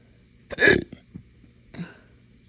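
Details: Hiccups with belching brought on by drinking morning coffee too fast on an empty stomach: a sharp hiccup with a throaty belch, followed by a softer second hiccup.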